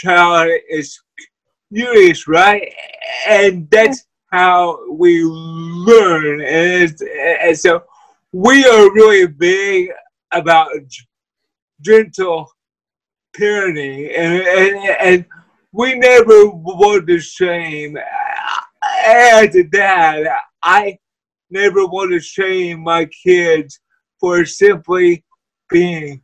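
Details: Man with cerebral palsy who uses a wheelchair; dysarthria (cerebral palsy).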